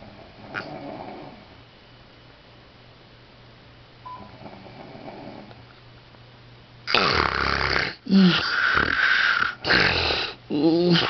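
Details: Snoring in a sleeper who makes funny faces while asleep: quiet breathing, then loud, rough, rattling snores on each breath.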